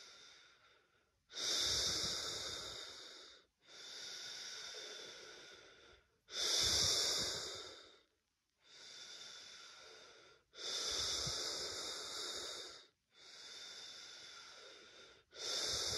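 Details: Person with first positive COVID-19 test, chest feeling hard and trachea blocked: heavy, noisy laboured breaths about 12 a minute, each long and airy with a hissing edge.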